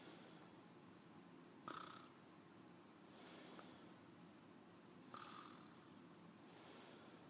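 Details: Light snoring in sleep from an adult woman: soft, breathy snores with a faint snort, roughly 17 breaths a minute, over steady room hiss.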